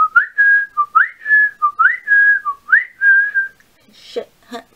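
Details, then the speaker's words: Four repeated bird-like rising whistles in a fixed pattern with breathing in and out a certain way, then breathy sounds; repetitive whistling vocal tic, must be done four times or restarted. "yeah so that one I want is super annoying because I have to like breathe in and out a certain way while I'm doing it and I have to do it four times"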